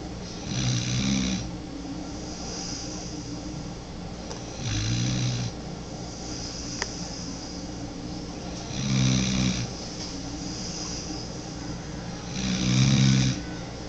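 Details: 9-month-old pit bull mix puppy snoring: four regular low, fluttering snores about every four seconds, roughly 15 breaths a minute, with quiet pauses between.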